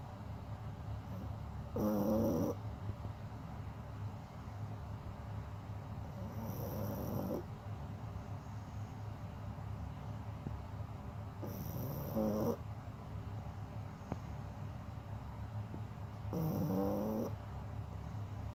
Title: Snores